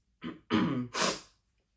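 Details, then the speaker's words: Child after straining the throat doing a character voice that hurts their throat: three quick, rough, effortful throat-clearing bursts. "I can't do that voice because it hurts my throat every single time I do it."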